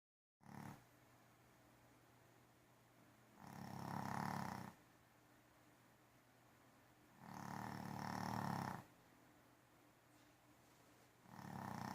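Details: Loud, rough snores on each breath about every four seconds, roughly 15 breaths a minute, from a sleeping animal; snoring.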